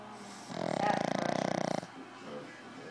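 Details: Fat pug taking a nap: one long, rattling, fluttering inhaled snore lasting just over a second, with quiet breathing on either side; snoring.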